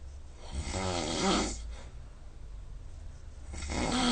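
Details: Loud snoring during sleep, recorded overnight by a snoring-tracking phone app. Snoring took about 4 h 40 min of 6 h sleep (84%), with a snore score of 145, in the top 15%.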